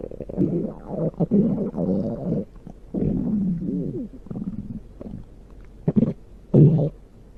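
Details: Big stomach growl recorded at the belly (ASMR): loud, gurgling, rumbling borborygmi in several bursts with bubbling, wavering pitch; ordinary gut sounds.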